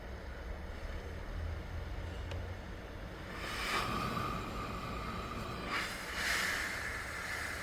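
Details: CPAP machine switched on after the patient's mask is fitted: steady machine hum with bursts of rushing, hissing airflow.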